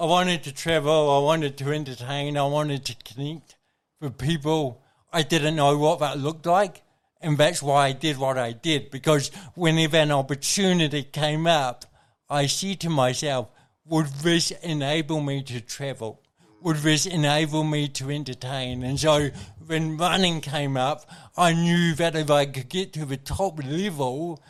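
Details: Adult man with congenital cerebral palsy, a brain injury from oxygen loss at birth, thinking unaffected: mild dysarthria (cerebral palsy).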